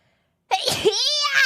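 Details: A single sneeze from a streamer: a sharp burst of air followed by a short voiced, high-pitched tail.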